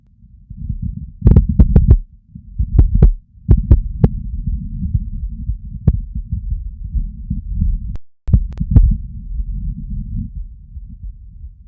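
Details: Normal heart sounds recorded lying down: low, muffled thumping heartbeats under a steady low rumble, with a few sharp knocks from handling.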